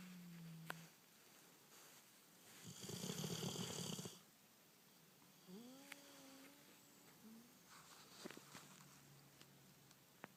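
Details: Snoring: a single loud, rough, rattling breath-in noise amid quiet room sounds.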